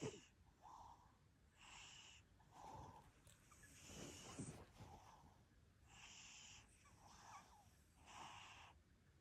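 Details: A sleeping cat snoring with a steady rhythm of soft, whistling, wheezy breath sounds on each breath.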